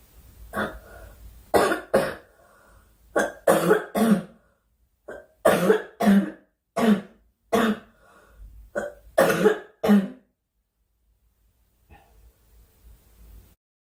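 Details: Girl coughing during a live stream, wishing aloud for the cough to stop: about fourteen short coughs, some in pairs, over roughly ten seconds, then quieter throat sounds; cough.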